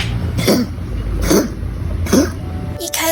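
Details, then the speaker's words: Male cat with frequent coughing that did not improve after half a month of antibiotics, later diagnosed with glomerulonephritis in September 2024. He gives three short, dry, hacking coughs in quick succession over a low room hum: cough. "始是发现嘎哥会常常咳嗽，带去看医生以为是感冒，抗生素吃了半个月，结果都没有变好，换了诊所，看了不同的医生，转去了内科做检查，最后转到了肾脏科，确诊是丝球体肾炎。"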